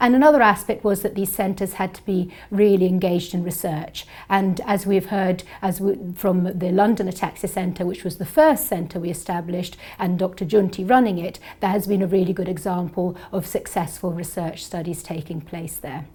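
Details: Adult woman; normal speech.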